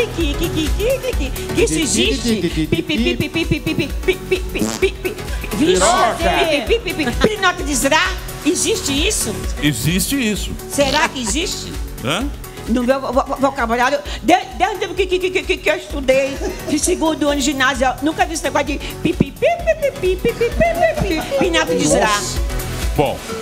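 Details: Adult woman who stutters (gagueira/tartamudez), on a TV show before an attempted hypnosis treatment for her stuttering; finding: stuttering.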